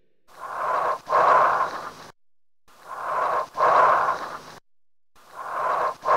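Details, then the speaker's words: Bronchial breath sounds on chest auscultation: loud, harsh hollow breath sounds with a clear pause between inspiration and expiration and no crackles, heard to decide between alveolar fluid and alveolar collapse. "So let's hear again our sound and see whether these bronchial breath sounds are due to alveolar fluid or alveolar collapse."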